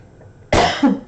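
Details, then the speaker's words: Dry cough from an adult during a live stream who says the dry cough has come back: a single short, sharp cough with no rattle, in a quiet room. "i got a dry cough came back with that so i'm sorry if i'm gonna cough"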